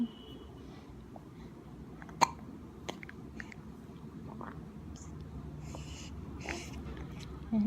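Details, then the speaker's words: Baby hiccups: a few sharp, brief hiccup sounds from a baby boy over quiet room noise while he explores his fingers and hands; ordinary infant hiccups. "do you think? Oh, Hiccup. Oh, Hiccup."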